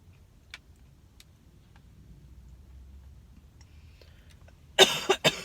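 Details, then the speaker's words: Adult with a persistent cough that "never stops," feeling better overall and told to return if not better within three days, gives two quick, harsh coughs close to the microphone while eating; short coughing bout. "excuse me this cough sucks it never stops it just keeps going going going"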